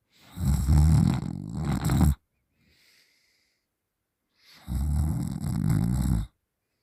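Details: Sleeping person snoring with mouth open: two long, loud, rattling snores about four seconds apart with a quiet pause between.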